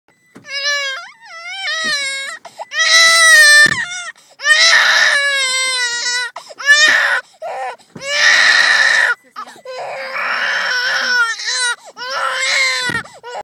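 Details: Infant who woke after sleeping about two minutes in a parked car, inconsolable for about 30 minutes until her mother returned: loud repeated long wails with brief breaths in a small enclosed space; infant crying.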